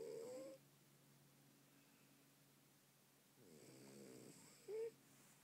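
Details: Snoring in a French bulldog: soft, rasping snore on a breath in, with short squeaky whistles at its edges.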